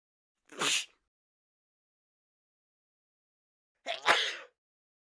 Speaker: Sneezing is also considered contagious. So, let's see if you sneeze while watching someone sneeze.